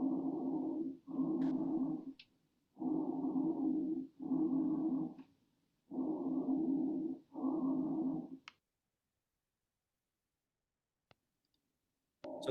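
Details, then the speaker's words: Normal tracheal breath sounds heard over the trachea: loud, harsh, hollow, higher-pitched breath sounds with inhalation and exhalation of similar length. "and then last would be tracheal breast sounds that you would hear over the trachea and these are so each one you'll hear it gets a little higher pitch and more"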